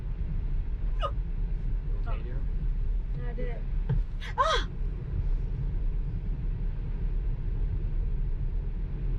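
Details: Several short, sharp, involuntary hiccups about a second apart from a woman in a Tesla, over car engine and road rumble; husband uses sudden acceleration bursts to cure her hiccups.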